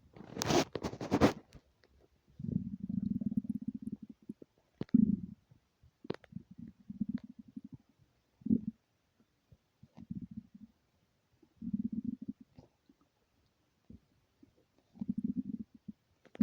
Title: stomach growling with hunger